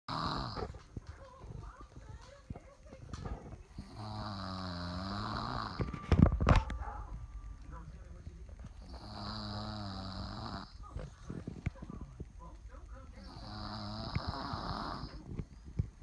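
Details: Presley's usual nightly snore, sleeping with eyes partially open: repeated rough, fluttering breaths about every four to five seconds with low background voices.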